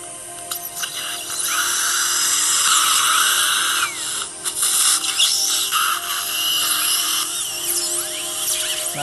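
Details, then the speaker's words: Dental surgical drill with water irrigation during surgical extraction of a tightly impacted lower left third molar in a female patient: high-pitched whine rising and dropping as it moves back and forth, with spraying water and faint music. "Okay. Lots of water and little vibration you're gonna feel here. No worries."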